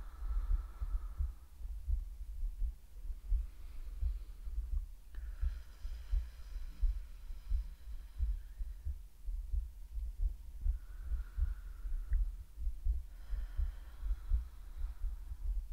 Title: ASMR Lets you Listen to Her Heartbeat 🫀 /relaxing roleplay/breathing sound